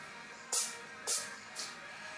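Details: Cat with a cold, caught from the owner's other cats, sneezing in a short series: three quick, sharp, hissing bursts in a row.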